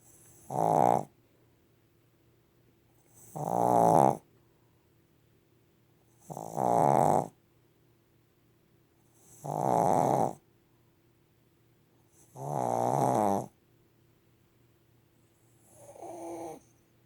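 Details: Regular snoring: six even, rattling snores, one on each breath at about 20 a minute, with a faint steady room hum.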